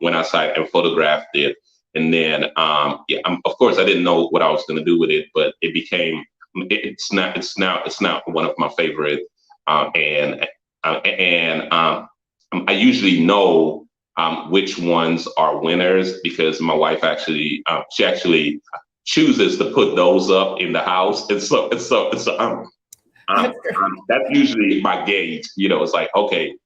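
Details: Adult man with a stutter, noticed when he first introduced himself publicly; repetitions and frequent "um" fillers heard. Finding: stuttering.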